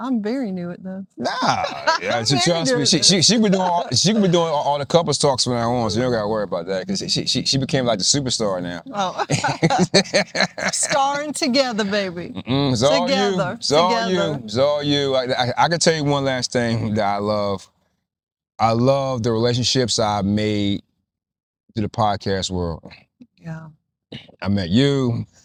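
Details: Stuttering in an adult male podcast host with a bad stammer since childhood that persists now, especially when asking written-down questions; improved after a teacher advised slowing down and breathing.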